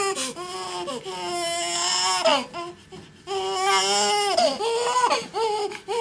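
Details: Newborn boy within his first 24 hours, in the hospital after birth, cries in repeated high, strong wails separated by short breaths, with faint room sounds behind; newborn cry.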